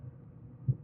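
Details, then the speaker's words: Manual blood pressure measurement with an aneroid sphygmomanometer and stethoscope on a resting subject: as the cuff deflates, a single low, sharp tap gives the first Korotkoff sound, read on the dial as systolic pressure. "pulse sounds you want to make a mental note of where the needle is pointing on the dial and that is your systolic blood pressure."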